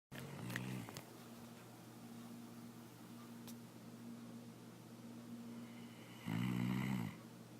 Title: Wilson Sleeping, and Snoring